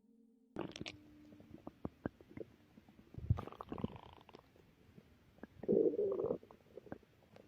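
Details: Bowel sounds (stomach growling) from a relaxing pregnant woman, recorded before her contractions began.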